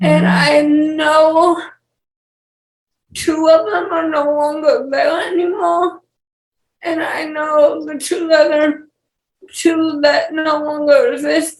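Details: Dysarthria in a 28-year-old woman with cerebral palsy and speech issues.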